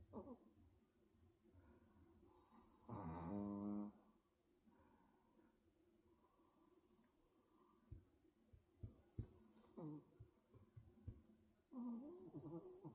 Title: 코골이... 잠꼬대를 곁들인🤭